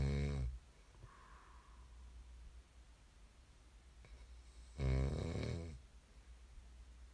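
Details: A snore ends, then after a quiet breath a second loud, rattling snore follows in a quiet room during sleep; ordinary snoring.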